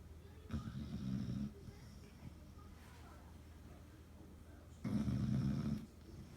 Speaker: It's a snoring. Yeah, her snoring.